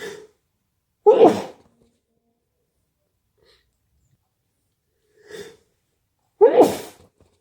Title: Itchy sneezes 🤧🤧🤧